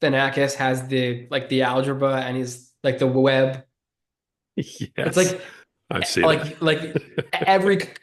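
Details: Adult man who has stuttered since childhood and was bullied for it as a child; he says listeners can hear the stutter in his speech. Stuttering.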